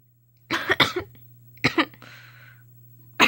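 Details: Person ill: a few short, dry cough bursts over a steady low room hum; a cough during illness.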